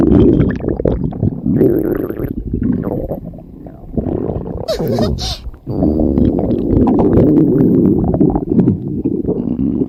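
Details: Stomach growling (borborygmi): continuous low gurgling and rumbling with bubbly, squeaky bursts and a brief high-pitched gurgle midway.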